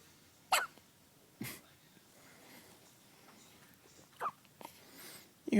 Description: One day old Baby Boy who has the hiccups